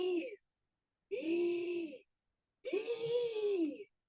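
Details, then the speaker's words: Voiced imitation of asthmatic wheezing: three drawn-out, tonal whistling breaths, mimicking the whistle of air passing through narrowed, inflamed bronchi. "Pero bueno, otro de los síntomas característicos del asma son las sibilancias. Es como un chiflido que se escucha cuando la persona está intentando respirar a través del calibre así reducido del bronquio."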